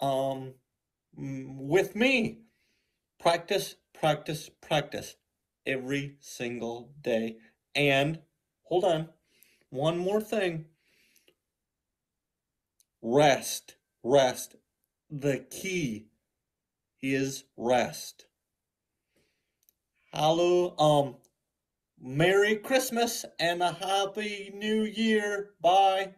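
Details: Male teacher with non-fluent aphasia plus apraxia of speech, after inpatient and intensive aphasia programs; now forming full sentences, previously only a few words at a time. Non-fluent aphasia.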